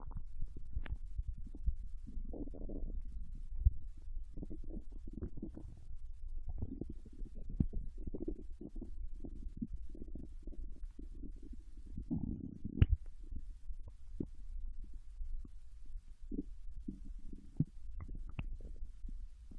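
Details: Young Japanese woman's intestine sounds while digesting ramen and potato chips: low gurgling and rumbling abdominal sounds coming and going; ordinary bowel sounds.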